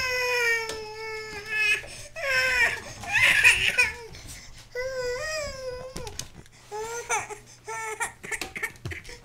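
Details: A young child cries in loud, wailing bursts with sobbing breaths between, in a small room with a steady hum behind.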